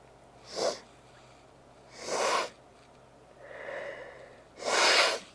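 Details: Repeated sneezing from a nose made oversensitive by intense congestion-clearing during an earlier sneezing fit that morning, less than an hour later: three explosive sneezes with snuffling intakes between them.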